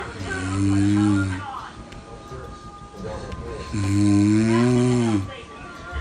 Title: Baby’s not happy with the snoring